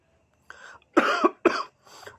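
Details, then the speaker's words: Adult gives a short run of four acted coughs, the middle two loud and harsh, complaining of an itchy throat and coughing since yesterday during seasonal change; acted cough. "Aduh, tenggorokan rasanya gatal banget. Batuk-batuk terus dari kemarin."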